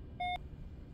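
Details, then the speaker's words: Single short clear beep over low room hum as a syringe pump powers on before initialization, during a demonstration of Flolan delivery via Aerogen nebulizer to a ventilated patient; normal start-up tone. "we're ready to turn the machine on we'll do that with the power button right here this is going to take a minute to initialize so we'll spare you that minute"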